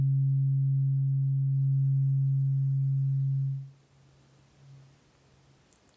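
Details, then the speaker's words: Role-played ASMR hearing test: tuning forks struck alternately at each ear, listener asked which ear hears the lower, deeper frequency; steady low humming tone fading over about three seconds, faint clicks. "I'm going to play a different tuning fork in each year and you just need to tell me which is the lower frequency which sounds deeper to you"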